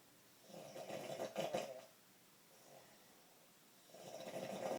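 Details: A roommate snores very loudly at night, with rough snores on two long breaths and a quiet pause between them: heavy snoring during sleep.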